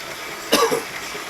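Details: Adult man with a coughing attack: a single harsh cough burst with a short trailing second effort over quiet room noise.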